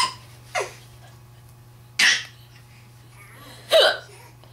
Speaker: He's laughing at my hiccups. He thinks they're very funny.